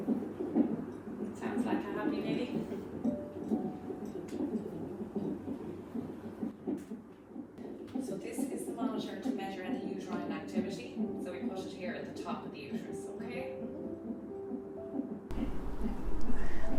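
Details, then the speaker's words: Normal fetal heartbeat on an electronic fetal monitor during pregnancy or labour, picked up by an abdominal transducer held with gel and a belt: rapid, rhythmic whooshing pulses with soft music behind. "The machine also produces a beating or pulsing sound that represents your baby's heartbeat."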